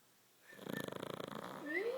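One brief fluttering, rattling snore from a sleeping animal.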